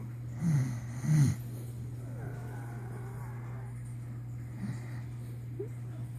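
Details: A man who claims he doesn't snore, asleep after falling asleep while watching videos: two low, rough snorts in quick succession over steady hum, then quieter breathing; snoring.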